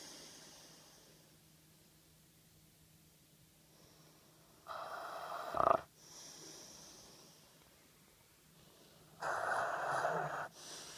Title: RAIDA snoring with chew toy in his mouth